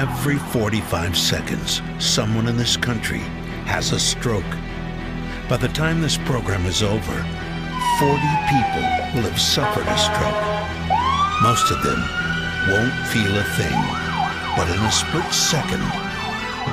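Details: Adult male narrator; normal speech.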